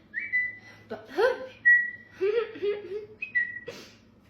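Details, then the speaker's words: Repeated short whistles mixed with brief vocal noises and laughter-like sounds: a run of whistling vocal tics in a chronic whistler with Tourette syndrome, bordering on a tic attack after holding tics in. "Um, again, this is an example of a lot of ticks coming out at once. I would consider it like border bordering on a tick attack."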